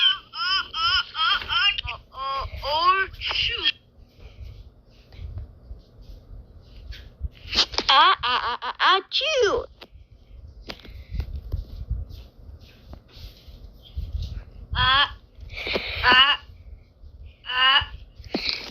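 High-pitched wavering cries come in bursts separated by quiet stretches with soft fussing and room noise: an infant crying.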